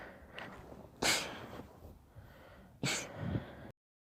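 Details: Two sharp, explosive bursts of air about two seconds apart, each preceded by a quick in-breath; a run of sneezes.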